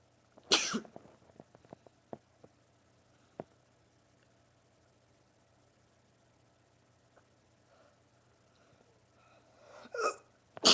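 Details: Male sneezing in a run of 20 sneezes: a loud sneeze burst, faint clicks and sniffs, then a second sneeze near the end.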